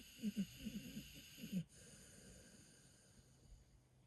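A few soft, irregular snorting breath sounds from a sleeping dog, then quiet room noise; light snoring.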